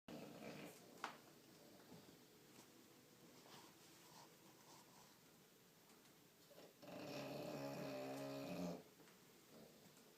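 Low, rumbling snore from a sleeping bulldog, with one louder, longer snoring breath against soft room noise.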